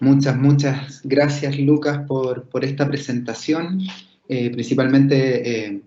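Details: Adult man speaking Spanish; ordinary speech.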